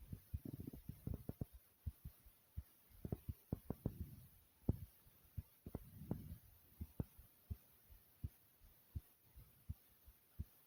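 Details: Own heartbeat self-recorded over 3 minutes, thumping hard: steady low thumps at roughly 70 a minute with some rumbling handling noise early on; a forceful, pounding heartbeat.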